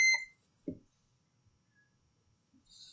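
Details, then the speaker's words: A Covidien 700 Series SCD compression device powered on while the forward-arrow and B buttons are held to enter the service menu: a single sharp electronic beep with no boot-up screen, then near silence. "okay you can see right there it did not did not go into a boot up screen it just beeps and there you are it's right in the screen"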